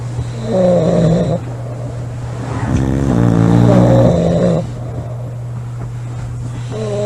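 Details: Two girls snoring loudly in a snoring competition: loud, deep rumbling snores on each inhale, with a steady low hum in the room.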